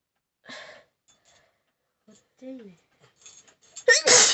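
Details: Faint vocal sounds and a sharp intake, then one loud burst at the end; a sneeze deliberately provoked in a nose-sneezing challenge.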